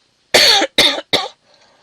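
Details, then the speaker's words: Adult coughing, attributed to spending the afternoon outdoors in air laden with dust and all kinds of pollen: three short, harsh cough bursts in quick succession. "bah écoutez, si je tousse, ce n'est pas sans raison. C'est parce que j'ai passé l'après-midi dehors avec un air chargé en poussière, pollen en tout genre."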